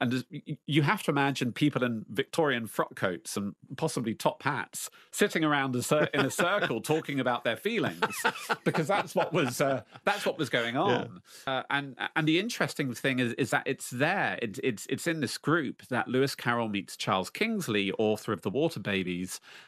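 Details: Lifelong stuttering in an adult man speaking about facing his fear in public.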